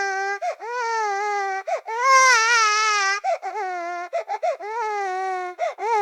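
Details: Infant crying.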